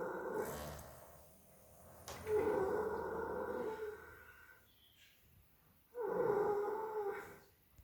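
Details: Snoring from a sleeping dog: slow, groaning nasal snores, roughly 16 a minute, with quiet gaps between them.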